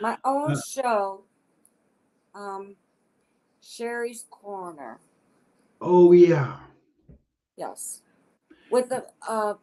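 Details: Adult woman with aphasia following a stroke in 2014; aphasia.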